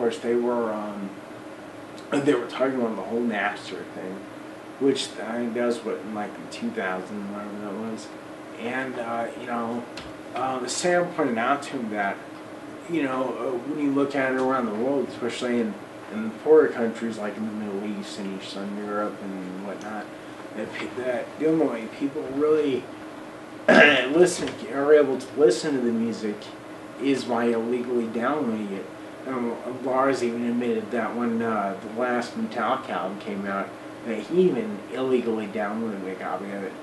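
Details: Adult man almost 40 with Friedreich's ataxia, a recessively inherited, progressive, degenerative neuromuscular disorder with childhood onset; uses a wheelchair; ataxic dysarthria.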